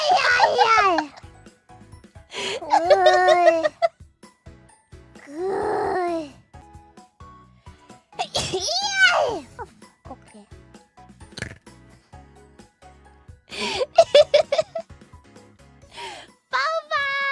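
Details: Single breathy sneeze from a streamer among high-pitched squeaky vocal sounds and playful exclamations over light background music.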